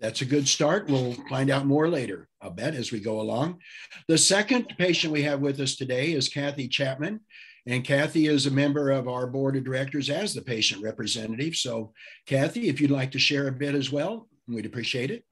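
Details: Adult male speaker; normal speech.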